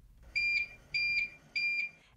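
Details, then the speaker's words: Curlin 6000 infusion pump during home milrinone infusion: three paired, evenly spaced high-pitched electronic beeps, the low or empty battery alarm. "Change the batteries any time you see less than one-fourth battery power left. When the batteries are low or empty, the pump beeps"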